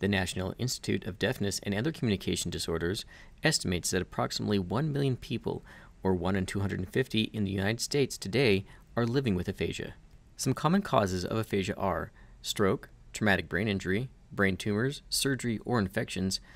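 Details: Adult narrator; normal speech.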